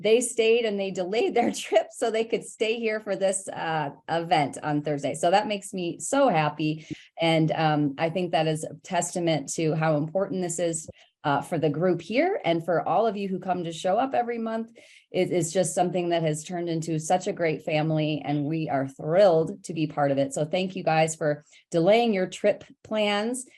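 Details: Adult woman speaking; Normal speech.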